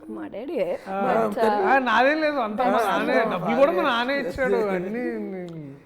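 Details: Adult speaker; Normal speech.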